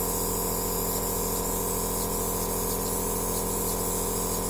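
A steady, loud mechanical hum with fast, even pulsing and hissing spray. A nebulizer machine is running.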